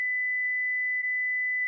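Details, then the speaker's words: Philips HeartStart FRx AED training demonstration: steady, high-pitched continuous tone as a shock is delivered after the orange shock button is pressed, followed by the prompt "Shock delivered." "Shock delivered. Be sure emergency medical services have been called."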